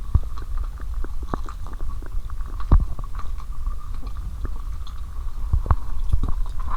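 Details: Low rumbling with scattered gurgles and clicks from the abdomen, recorded with a stethoscope while lying down after drinking cola and swallowing Mentos. Stomach at its limit; active bowel sounds.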